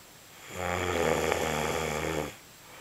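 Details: A person snoring: one loud, buzzing, vibrating snore lasting nearly two seconds, then quiet.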